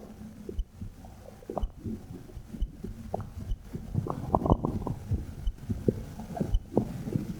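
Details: Stomach rumbling bowel sounds recorded with a phone mic placed on the belly button: irregular soft gurgles and clicks, with a steady faint heartbeat thump near 60 a minute.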